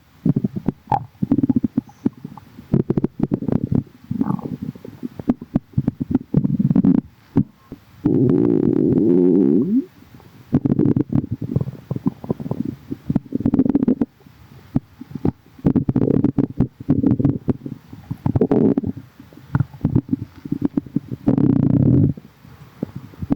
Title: tummy straight after drinking | stomach growling